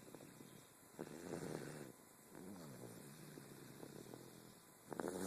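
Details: A baby snoring loudly: soft, fluttering, snuffly snores on repeated breaths with brief quiet gaps over a steady background hum.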